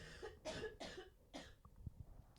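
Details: Three harsh, loose coughs in quick succession from an adult woman recovering from an illness and having lost her voice, in a quiet room.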